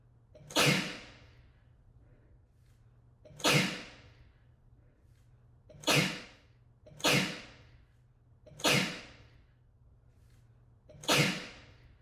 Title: Rapid, desperate sneezing fit in an echoey room